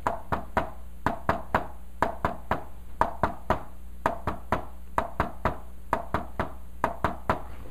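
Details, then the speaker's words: Tapped imitation of a third heart sound (S3 gallop), played fast: a three-beat rhythm with an extra sound just after S2, attributed to a dilated, poorly contracting ventricle overfilled with blood. "usually it's deal to when you have a heart that's dilated or no contractor ventricle that's just big and it's full with a lot of blood and it is contracting and spilling a little extra blood down into already non-contracted ventricle"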